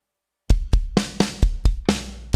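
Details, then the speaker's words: Paired lub-dub thumps at about 125 a minute, a teaching example of normal first and second heart sounds: S1 from atrioventricular valve closure, S2 from aortic and pulmonary valve closure. "Toda vez que as válvulas atrioventriculares elas se fecham, né, a gente vai ter um som. Toda vez que ela se fecha, a gente vai ter um som de vibração, que é o B1, tá?"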